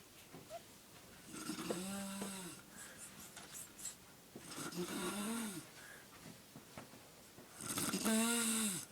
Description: Somebody snoring in mah house